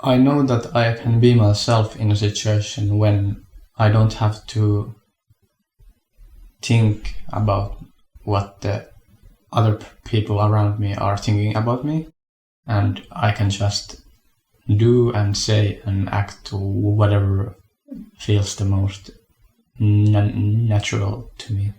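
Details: Adult male speaker; stuttering.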